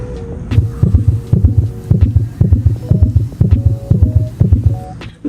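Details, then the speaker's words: Tachycardia, heart beating over 100 per minute: rapid, regular low heart thumps around 120 beats per minute. "taquicardia corazón que late rápido más de 100 latidos por minuto y se escucha"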